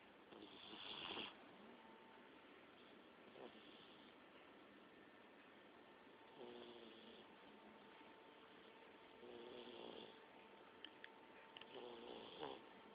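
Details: Olde English Bulldogge snoring: quiet, intermittent snuffling snores with brief snorts between breaths over a steady background hum.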